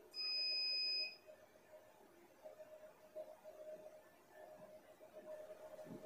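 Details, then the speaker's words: Nubway 70W fractional CO2 laser, fractional handle, set to 0.3 duration, interval 3, dot distance 0.7, overlap 1, fired by pedal in a training demonstration: steady electronic beep about one second long, then faint room noise. "now we click standby and click ready then we step the pedal to do the treatment hold the handle vertical to the skin and to do the treatment"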